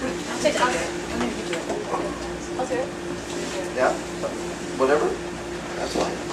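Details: Aphasia in a retired male pediatrician after a left-hemisphere stroke from a torn carotid artery in 2014; initially paralyzed and speechless, right-side movement has returned, and words are slowly unlocking with ongoing speech therapy.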